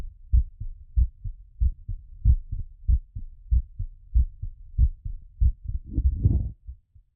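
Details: Heart sounds during recovery after exercise: crisp, regular lub-dub at about 95 beats per minute, a mildly quickened rate settling down.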